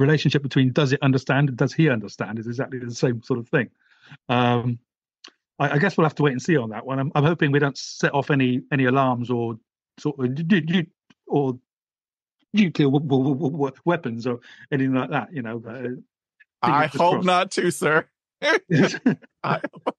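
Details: British adult man who stammers; stuttering.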